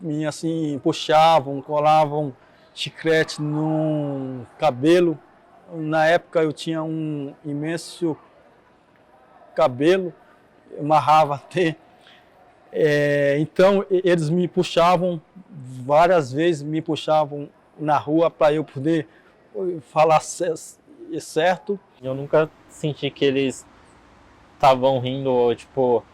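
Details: Adult man with stuttering, recounting a school reading system from the 1980s, with audible repetitions in his speech.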